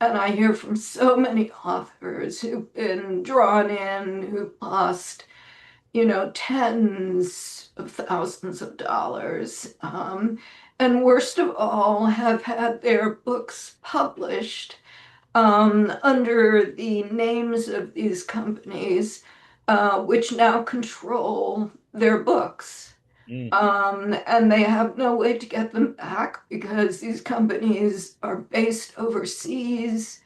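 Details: Adult woman with self-reported spasmodic dysphonia, which she says causes her voice to sound this way; severity varies day to day, and she describes this as not a particularly good day; spasmodic dysphonia.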